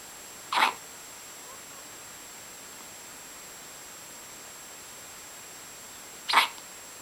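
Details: Hiccups recorded 08.09.2011: two brief, sharp, high-pitched bursts about six seconds apart against a steady background hiss.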